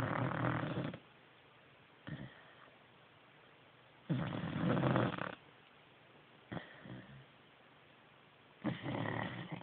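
Regular snoring, a loud rough snore on each inhale and a softer puff on each exhale, about 14 breaths a minute.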